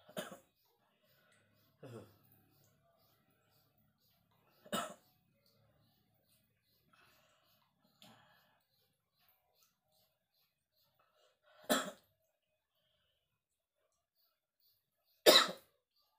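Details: Man at dawn feeling unwell and feverish (meriang, masuk angin), which he blames on rainy-season weather, coughing while his wife gives him kerokan (coin scraping). About six single harsh coughs and throat clears over sixteen seconds with quiet gaps.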